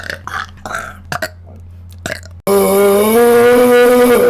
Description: burp compilation